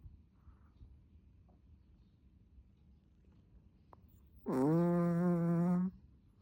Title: snoring and the tongue